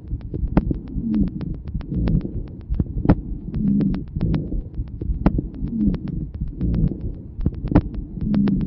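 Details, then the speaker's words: Low-pitched continuous snoring sounds during expiration, fundamental frequency below 200 Hz, recurring with each breath out: rhonchi, pointing to secretions in the larger airways. "sur cet enregistrement luron q c'est entendu lors de l'expiration s'agit d'un bruit continu dans la fréquence fondamentale est inférieure à 200 hertz"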